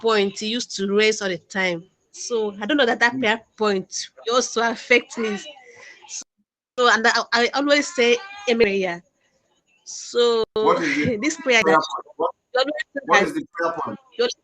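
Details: Adult man who stammers, calling into a live broadcast; stuttering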